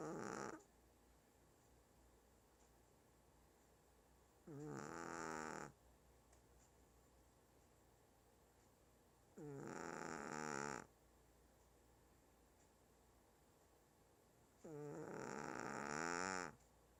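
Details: One-year-old Shih Tzu snoring loudly while asleep: loud, rattling snores about one every five seconds, with quiet gaps between.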